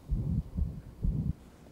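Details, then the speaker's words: 38-year-old man with ventricular septal defect and pulmonary stenosis, cyanosis, clubbing and atrial fibrillation: low, muffled heart sounds through a stethoscope with a widely split, possibly almost fixed second heart sound. "try and listen to the second heart sound listen for its splitting second heart sound is this a bit widely split and there is some suggestion that it may be almost fixed"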